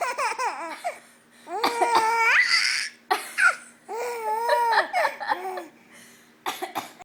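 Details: A mother's short, sharp adult coughs alternate with high, bubbly laughter from her 4-month-old baby boy in a small room. Cough.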